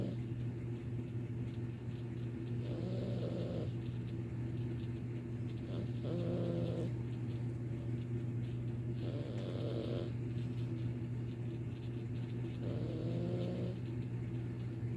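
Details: Sleeping cat snoring loudly enough to be mistaken for a person in another room, a short nasal snort with each breath every three to four seconds over a low hum; snoring.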